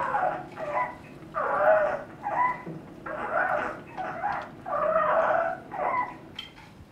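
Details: A child has harsh, gurgling noisy breathing on both inspiration and expiration, with wet rattling secretions and pauses in breathing (apnea). This is biphasic, fairly musical wet stridor.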